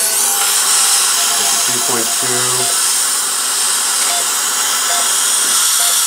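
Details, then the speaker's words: Dental implant surgery on a woman's lower jaw through a surgical guide: continuous high-pitched implant drill whine cutting initial 2 mm pilot osteotomy holes, brief voice in the room. "So we're now drilling our initial osteotomy holes"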